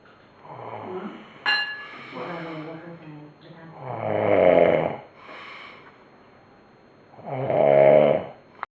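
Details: Loud, rough, rattling snores on the in-breath, about three seconds apart, with quiet breathing between; ordinary snoring, with some talk early on.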